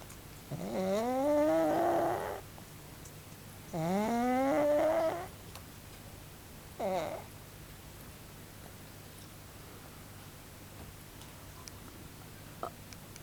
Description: ぶちゃっとつぶれて大いびきのパグ